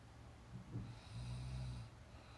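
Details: Real (not simulated) snoring from a girl sleeping during a nap: a single low, rattling snore on a breath in.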